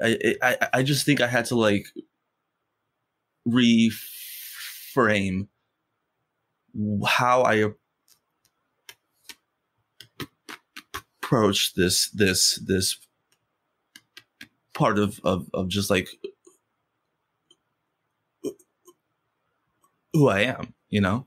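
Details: Adult man who stutters, speaking in conversation with pauses and blocks between phrases; stuttering.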